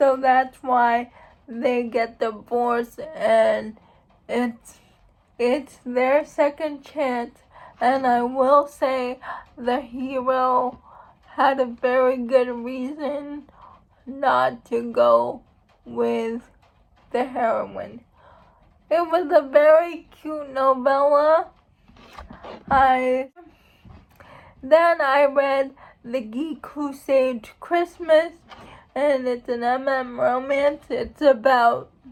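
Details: Dysarthric speech in an adult woman who states she has cerebral palsy.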